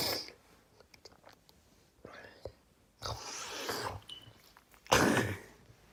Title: Sneezing 7